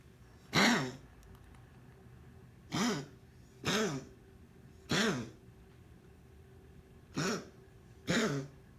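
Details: Cat coughing repeatedly: six short, harsh hacking bursts with a hoarse voiced edge, spaced irregularly over about nine seconds in a quiet room.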